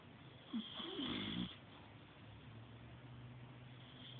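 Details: An old male pet, fully asleep in a feather-ball bed, gives one rough, fluttering snore about a second long, then quiet room noise.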